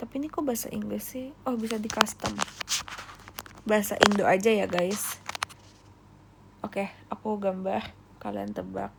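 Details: Adult female Indonesian speaker with self-reported real rhotacism ('cadel' with R), where word-initial R cannot be produced and word-final R can only be forced: rhotacism.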